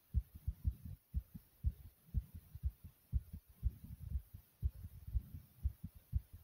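Fast, regular, forceful low thumps at about 120 beats a minute: a rapid, pounding heartbeat.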